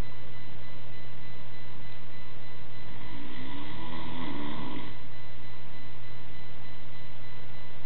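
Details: Adult man (father) snoring in sleep: a single rough, rattling snore over a steady low room hum.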